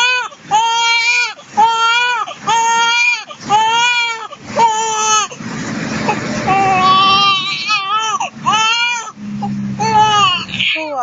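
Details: Rhythmic, strong, tuneful wails with brief breaths between them from a 2-month-old baby girl crying because her father is out of sight; ordinary infant crying.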